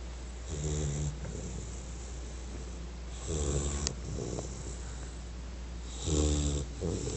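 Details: Sleeping American Bulldog: three low, rattling snores on the in-breath, roughly every three seconds, about 20 a minute, over steady room hum; snoring.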